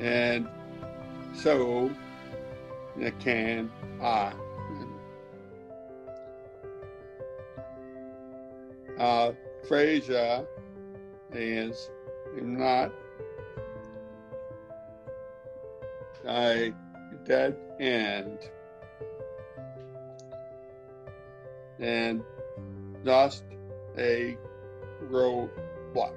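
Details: Severe aphasia in a man after a stroke five years earlier, speaking with help from a Lingraphica speech device; garbled, broken words.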